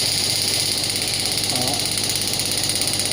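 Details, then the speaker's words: Biotronix pneumatic shockwave therapy device firing on the demonstrator's hand at 5.5 bar (device rated to 12 bar): rapid, fairly regular pneumatic tapping about 200 pulses a minute over a steady mechanical hiss. "So now I will start the device. I need to click the same. I need to press that button."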